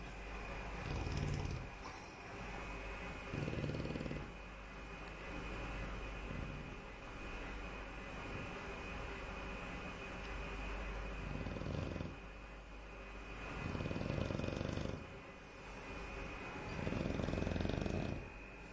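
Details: Snoring: low rumbling snores recurring every few seconds over a steady background hum.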